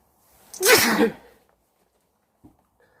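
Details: Single loud, explosive sneeze with a brief intake of breath before it, then quiet.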